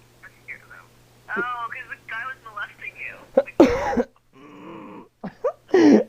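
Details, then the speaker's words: Throat clearing and cough over a phone call, blamed on singing, yelling and screaming, possibly allergies: voiced throat sounds and two harsh, noisy bursts over a thin phone line. "every time we talk we keep having to clear our throats yeah we're like we're like and we we sound like like like okay listen okay I just cleared my throat and coughed"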